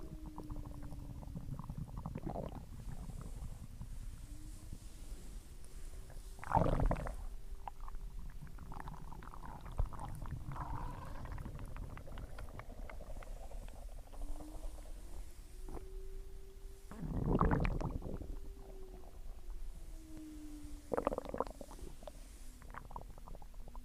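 Low gurgling and rumbling from the belly with a few louder bursts, typical stomach growling after a meal.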